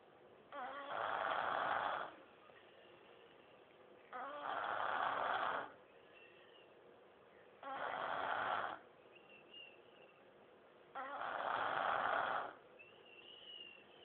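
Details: Sleeping 3-year-old girl: four long, rough snores about every three to four seconds, roughly 17 a minute, with quiet breathing between them; child snoring.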